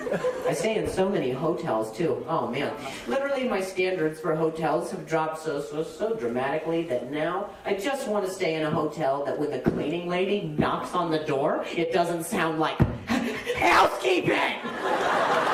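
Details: Acquired stuttering in an adult male comedian, onset at age 20 overnight after a softball hit his throat, causing a minor vocal contusion and a major concussion; no stutter before; real.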